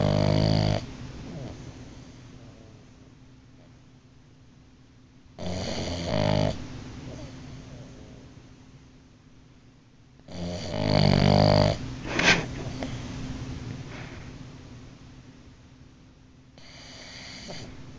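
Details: Loud, rough snores about every five seconds, roughly 12 a minute, with quiet breathing between them in a small room; snoring recorded June 2012.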